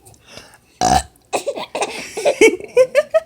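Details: A 3-month-old baby gives one loud, deep burp, then giggles and laughs, reportedly laughing for the first time.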